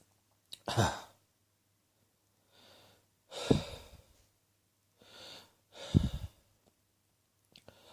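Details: An adult on the third day of a common cold, after sneezing on day one and a sore throat on day two: three single, fairly loose coughs, each preceded by an audible breath in; cough with a common cold.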